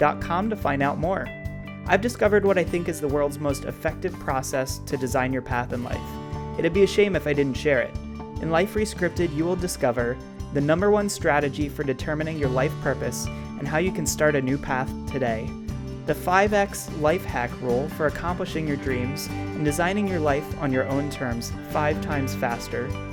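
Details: Adult male speaker; normal speech.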